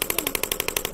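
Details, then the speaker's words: Shockwave therapy for tennis elbow (lateral epicondylitis): fast, even train of sharp clicking pulses, about 11 per second, as the device with ultrasound gel treats the elbow tendons around their attachment points; shockwave therapy device in use. "yeah so this is really you know delivering that ultrasound wave into the tissue allowing things to break up and then repair mechanism to get reactivated and jump started"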